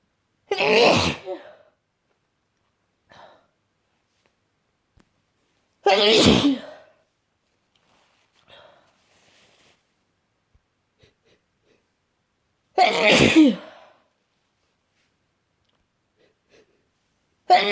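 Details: Adult with a bad cold sneezing every 10 to 20 minutes: three forceful sneezes, with a fourth beginning, separated by quiet pauses with faint sniffing in between.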